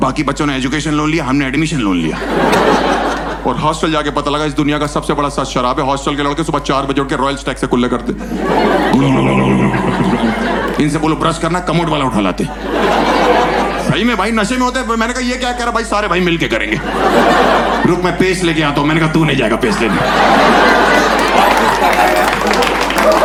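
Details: Adult man performing stand-up comedy; no speech disorder.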